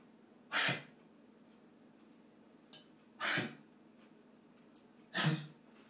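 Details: Girl coughing in what is described as her longest coughing bout ever; coughing.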